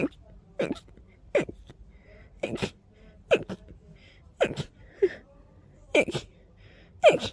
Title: Fast Teasing Sneezes